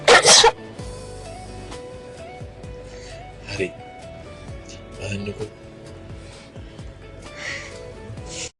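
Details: Sneeze from a Sri Lankan actress: one loud, explosive sneeze at the start, then background music and quiet talk.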